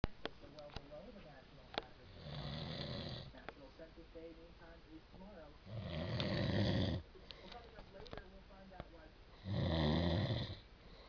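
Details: Adult man (a father) snoring, likened to a growling dog: three loud, rough, low snores on the in-breath, about 17 a minute, separated by quieter breathing; ordinary snoring.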